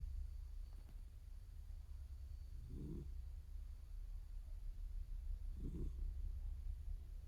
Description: Our eldest cat sleeping good and snoring.